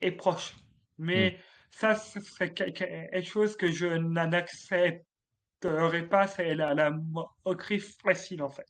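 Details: Adult male French comedian with stuttering since childhood, which he describes as part of him, more like an accent; stuttering.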